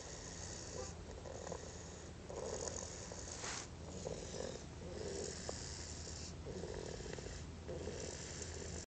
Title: snoring